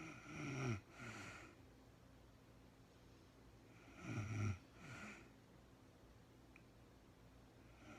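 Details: Real-time recording of a woman snoring during sleep, no talking, very tired and falling asleep: two low, rattling inspiratory snores, about 15 breaths a minute, with quiet room noise between; snoring.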